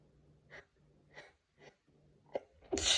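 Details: From a series of stifled, half-stifled and unstifled sneezes: several quick gasping in-breaths build up to one loud, hissing, explosive sneeze at the end, an ordinary sneeze.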